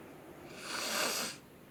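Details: Nasal breathing with mild nasal congestion from a patient during a nursing head-to-toe assessment.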